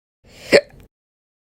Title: All Slow Hiccups Part 5